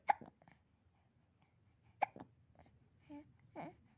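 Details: Baby boy: two sharp, brief hiccup sounds about two seconds apart, followed by soft baby vocal sounds; hiccups.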